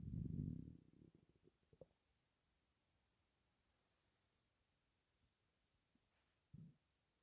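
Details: Low gurgling belly rumble fading into faint bubbling pops, with a brief later gurgle, occurring with breathing in and out; gas and air in the gut, possibly from hunger; borborygmi.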